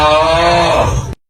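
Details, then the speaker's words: A single steady, droning snore lasting about a second, low and buzzing with a tonal hum, then silence: ordinary snoring judged not serious, possibly from tiredness, as opposed to sleep apnea. "没什么事儿，可能就是累到了。没什么事儿，有点 rap 天分。"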